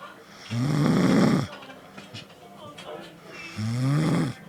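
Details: A person snoring: two loud, rough, rattling snores on breathing in, about three seconds apart, with quiet breathing between them.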